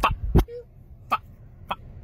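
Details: Adult man with Tourette syndrome: four abrupt, brief throat noises and yelps within two seconds, simple vocal tics.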